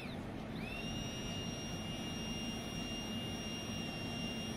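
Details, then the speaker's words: Electric ear suction cleaner (earwax vacuum) switching on: a small motor whine rising into a steady high hum over a low rumble. "now don't keep it too long because the vibrations and noise can affect you too"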